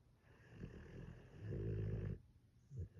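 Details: Pit bull dog (Fiona) sleeping: low, soft fluttering snore on an in-breath, followed by a brief snort; dog snoring.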